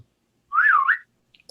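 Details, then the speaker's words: A short, wavering whistle bursting out suddenly between silences: whistling vocal tic in a person with Tourette syndrome and FND; tics are milder but mostly vocal after alcohol, and off meds. "it turns into mostly vocal tics that are very hard to get out because you know i can't speak very well"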